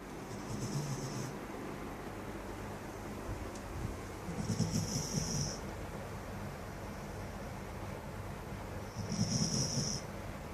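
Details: Sleeping female border collie, Miss Molly, snoring: three soft, rough snores with hissing breath about every four seconds over steady room noise.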